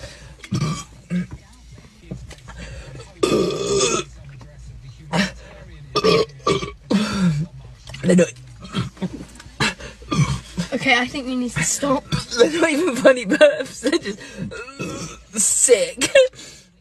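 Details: Several loud, drawn-out deliberate belches from a female, between bursts of talk and laughter with faint music, after a drinking contest; burping.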